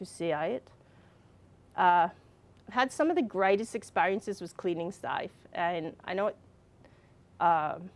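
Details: Adult woman with receptive and expressive aphasia and apraxia of speech after a brain injury from a fall, speaking more than four years after the injury (aphasia with apraxia of speech)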